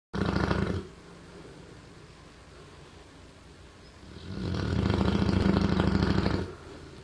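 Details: Approximately 2–3-year-old male Neapolitan Mastiff: loud, deep, fluttering snores on the breath, one short and one long, with a quieter pause between; heavy snoring.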